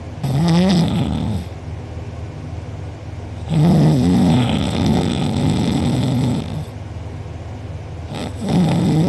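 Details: A person recorded asleep with mouth open and drooling, who later had a sore uvula and soft palate: very loud rattling snores on each breath in, about three in nine seconds, with a quieter rough breath out between. Heavy snoring.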